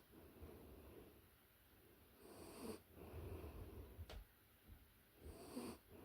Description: This ASMR track captures the close-up, authentic audio of a puppy in a deep sleep. The soft, rhythmic snores are a natural trigger designed to bring deep relaxation and a sense of calm.